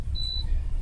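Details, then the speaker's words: IV infusion pump just powered on for a 10–15 second self-test: a single steady high-pitched electronic tone over low room rumble. "now once you load it up it's gonna run through a quick self-test which is gonna take about 10-15 seconds or so so let's just run through it self test and"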